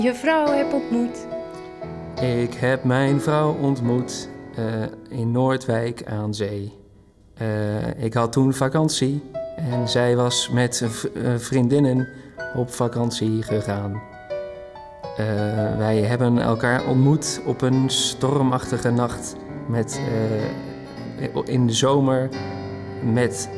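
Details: Stuttering in a man who stutters, speaking Dutch, with a word repetition.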